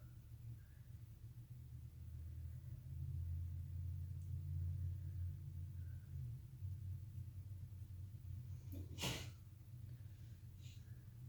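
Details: A single brief, sharp sneeze from someone in the background, distant against a steady low room rumble.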